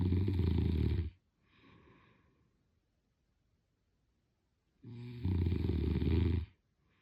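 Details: A sleeping person gives two loud, low, rattling snores on inhaling, with a quiet breath between them: ordinary snoring.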